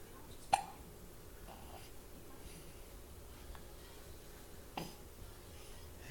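Two brief, abrupt catches about four seconds apart against quiet room noise: hiccups.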